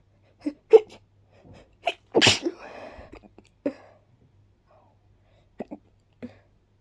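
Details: Person with pollen allergy who also has hiccups: a loud sneeze among short catching breaths and small bursts in a quiet room; sneezing.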